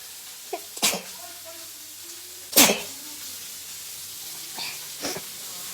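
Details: Sneezing challenge apparently using snuff (nasal powder): two sharp explosive sneezes with a few softer sniffs and catches of breath between them.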